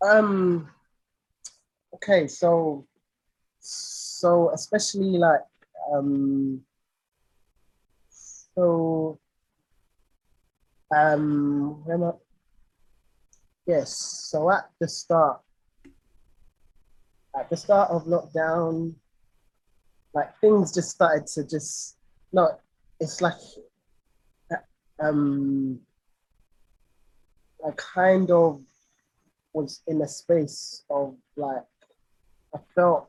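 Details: Stuttering (stammering) in an adult male singer with a lifelong stammer; his own conversational speech.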